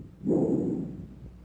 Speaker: bronchial breath sounds are louder and higher in Pitch than bicular sounds the expiratory sound lasts longer than the inspiratory sound and a silent Gap separates these two sounds